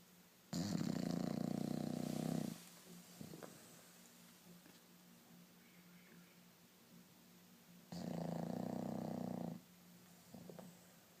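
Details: Bulldog snoring: two loud, rattling snores on the in-breath, roughly seven seconds apart, with quiet breathing between them.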